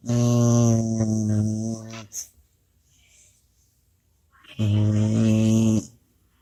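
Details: Pet dog sleeping soundly while someone tries to wake him: two long, loud, droning snores with a pause between them; heavy snoring.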